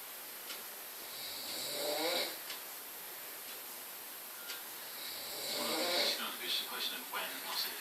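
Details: Father asleep after dozing off watching snooker, snoring very loudly: two loud, rough, rattling snores on inhaled breaths a few seconds apart, with room hiss between.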